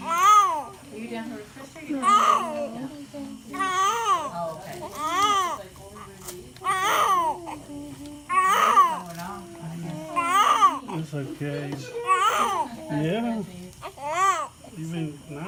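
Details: Newborn baby boy, first baby, crying just after birth: about eight rhythmic wailing bursts, each rising and falling in pitch with breaths between; a vigorous newborn cry.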